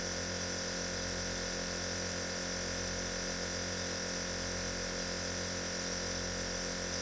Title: Midnight nebulizer (feat. ASMR STONKS)